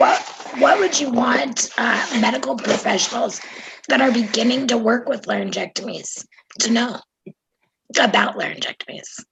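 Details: Adult woman speaking; normal voice.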